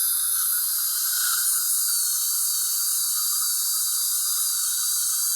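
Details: Steady high-pitched whine of a high-speed dental drill with faint room and water noise: opening the embrasures on Lumineers veneers on an adult woman, avoiding the glazed labial surface.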